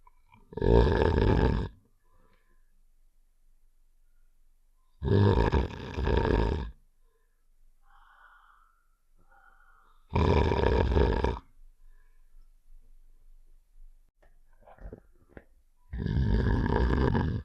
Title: (NEW UPDATE) Save The Shapes: Heart's Snoring Sound Effect (REQUESTED)